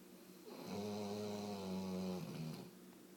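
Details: Sleeping dog described as the loudest sleeping dog ever heard: a single drawn-out, buzzing, somewhat whistling snore lasting about two seconds; snoring.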